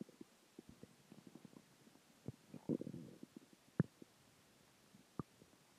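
Quiet gurgling clicks with a longer bubbling growl midway and a couple of sharper pops; normal stomach growling from food, water and gas.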